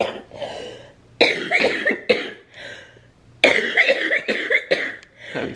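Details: Woman in her early 30s with cystic fibrosis, lungs affected by Covid after a rough night: two bursts of loud, harsh, wet-sounding coughing, several coughs each, with quieter breaths between; coughing fit.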